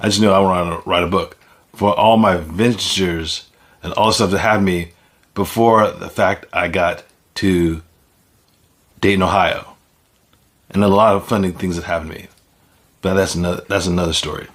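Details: Man who reports having aphasia; aphasia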